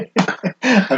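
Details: Three short, harsh cough bursts from an adult still coughing after a COVID infection, feeling horrible but much better; laughing hurts.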